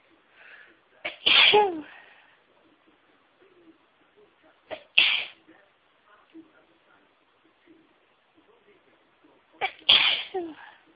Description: Was already feeling incredibly sneezy but listening to wavs got me sneezing